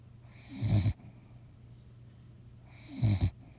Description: Sick pupper snores a hek a lot.